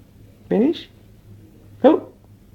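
Two short, abrupt voiced 'hic' sounds about a second apart in a quiet room, fitting hiccups.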